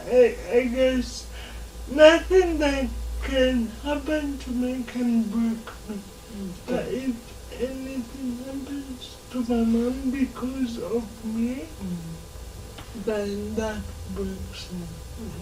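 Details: Dysarthria in a 26-year-old woman with lifelong cerebral palsy; her speech makes her hard to understand.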